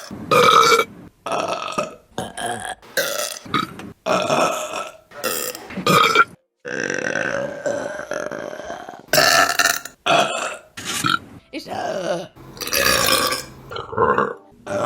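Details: Women burping, from a compilation: a run of long, loud, voiced belches one after another with short pauses between them. Repeated burping.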